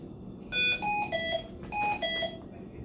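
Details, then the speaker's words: Two repeated groups of bright shifting-pitch alarm tones: ventilator alarm in neonatal CPAP mode (PEEP 5, just switched from adult mode) showing the message no apnea detection during a training demo. "and then you get this message uh no apnea detection"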